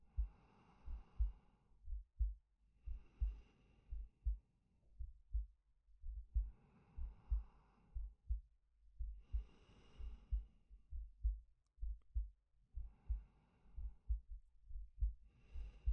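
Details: Soft slow breaths over a low steady heartbeat, close-miked and quiet, from a male ASMR sleep-aid recording; heartbeat with breathing.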